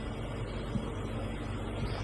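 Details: Dr Odin oxygen concentrator running normally during an unboxing and purity check: a continuous low, rumbling, compressor-like motor hum.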